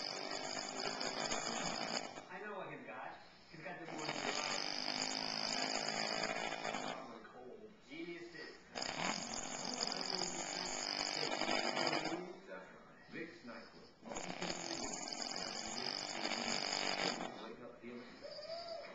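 Loud, harsh, rasping snores, about four in twenty seconds, each roughly three seconds long, with short quiet gaps between breaths. Heavy snoring.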